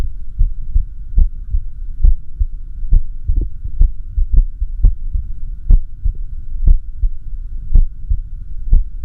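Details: Echocardiography recording of the person's own heart during arrhythmia, with heart sound; irregular heartbeat.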